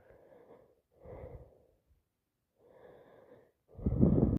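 Repeated breathy build-up gasps ending in a sneeze, part of ongoing sneezing linked to allergic rhinitis.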